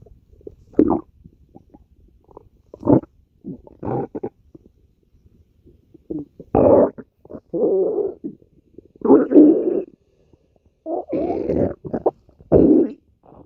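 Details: Irregular low gurgling and rumbling bursts from the belly: ordinary stomach growling (borborygmi), a normal sound of gut movement.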